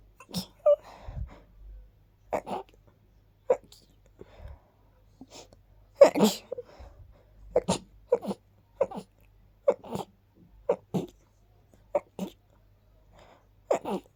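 Quiet, quick little sneezes in a rapid series, roughly a dozen over fourteen seconds, in a quiet room; repeated sneezing.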